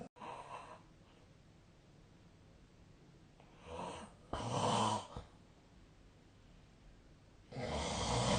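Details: Snoring recorded 2025-03-21: irregular noisy sleep breaths with a few louder snoring bursts and quiet gaps between them; snoring.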